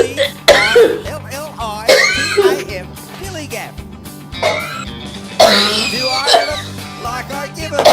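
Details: Adult woman with coughing fits gives several harsh, voiced cough and throat-clearing bursts over background music.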